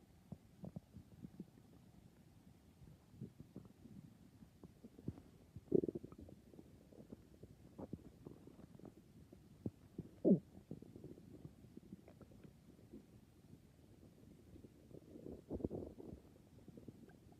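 Quiet gurgling and rumbling from the belly with a few louder growls, typical ordinary stomach growling.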